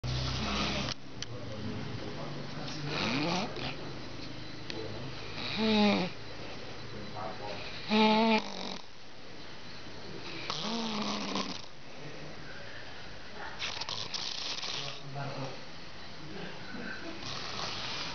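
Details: Snoring recorded at a peak ("di puncak"): irregular snoring noises, some with a rattling buzz, about 24 a minute, over room noise and faint talk.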